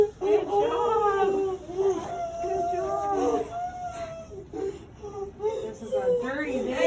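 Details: Repeated high-pitched crying bursts with whimpering pauses from a newborn girl just after vaginal delivery by pushing, before being placed on her first-time mother's chest: a normal vigorous newborn cry.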